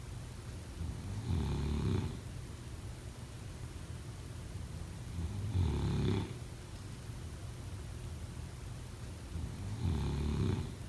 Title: Snoring sound 03/09/2025